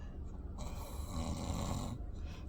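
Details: Son sleeping, a single deep, rumbling breath noise with low vibration; snoring.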